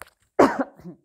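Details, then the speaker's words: A woman excuses herself to cough during a spiritual channeling talk, saying her throat chakra feels congested: one forceful cough with a throat-clearing quality, then a brief quiet voiced trail-off. "Excusez-moi, je vais tousser, les écouteurs, enlevez-les."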